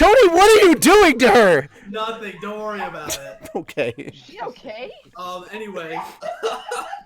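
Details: Adult speaker; normal voice.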